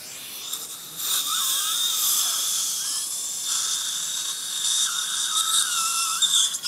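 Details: High-pitched whining dental handpiece rising and falling in pitch in bursts, placing the remaining mini implants (2.5 x 11mm) at tooth #14 immediately after extraction of severely decayed teeth #12 and #14.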